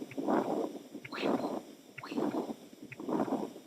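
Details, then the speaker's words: Continuous machinery murmur heard toward the heart base, veterinary auscultation: rough motor-like whooshing filling each heartbeat without a quiet gap, typical of patent ductus arteriosus. "probablemente algunos entenderían que si tienen un sonido como de motor el nombre genérico de estos nombres soplan maquinaria típico de cachorros con"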